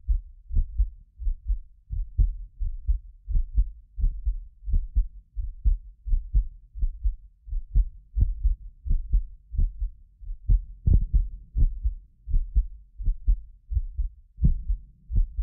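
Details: Heartbeat of a medically fit adult recorded with several precision contact microphones: steady, regular clear low thumps; occasional doubled clicks are a multi-microphone delay artefact; normal heart sounds.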